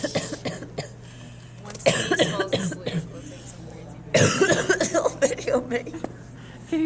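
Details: Adult who is sick, with a sick voice, coughing: two harsh cough bursts mixed with friends' talking and a steady low room hum.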